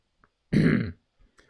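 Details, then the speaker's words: A single short, rough, guttural throat-clearing ("ahem"), acted out in an English lesson demonstrating how people clear their throat, for example because of saliva or phlegm before talking. "like you just have something in your throat and in order to talk you need to clear your throat the word we use is ahem because that's the closest to the sound but most people it would sound like this"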